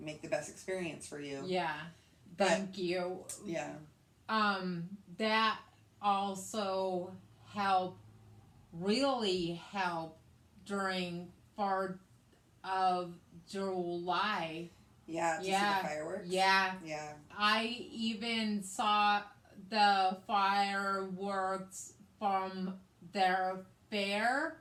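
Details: Woman with aphasia after a hemorrhagic stroke in May 2020, also with right-sided hemiparesis, treated with brain surgery and an ICU stay; the aphasia also affects her reading and writing; post-stroke aphasia.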